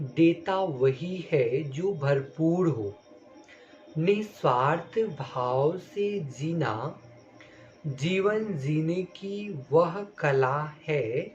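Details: Stuttering in an adult male stammerer reading a Hindi passage aloud during home speech-therapy practice, using fluency-shaping techniques such as easy onset and block modification.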